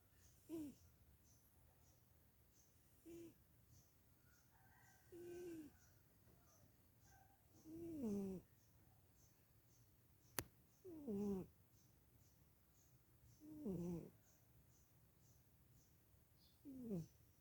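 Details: A sleeping male cat snores in short tonal snorts, about 22 times a minute, in a quiet room; snoring.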